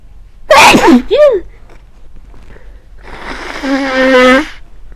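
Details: With a cold: one loud, forceful voiced sneeze, then a pause and a drawn-out voiced exhale or groan.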